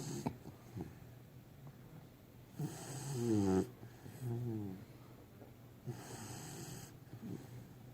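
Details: Snoring from a sleeping puppy: low, rattling breaths about every three seconds, one with a brief whiny squeak.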